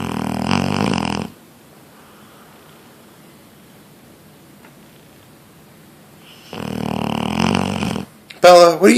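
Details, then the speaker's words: 8-year-old female Neapolitan Mastiff snoring while asleep, loud enough to wake the neighbours below: two loud, rough snoring breaths separated by a quiet pause, then a brief sharper sound at the end. "she snores so loud I have no idea how this is possible the neighbors that live below us in our building hear her snoring"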